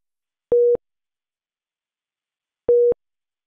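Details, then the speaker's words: HeartStart XL+ monitor/defibrillator low-priority alarm for an SpO2 non-pulsatile device error, shown on a cyan background: two short, single-pitch mid-tone beeps about two seconds apart. "low priority alarms usually indicate a device problem or error condition such as this spo2 non-pulsatile message and they appear in this cyan background and sound like this"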